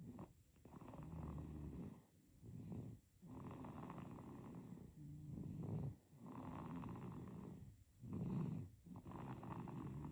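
Soft, rattly snoring with each breath, about five or six breaths in ten seconds, in a quiet room. Infant snoring during sleep.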